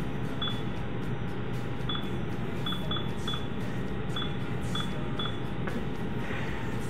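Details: Short high beeps as buttons set a therapeutic ultrasound unit to 3 MHz, 100% continuous duty cycle, 0.5 W/cm², over a steady low hum, before treating a 22-year-old woman's ulnar-side TFCC lesion from two months ago.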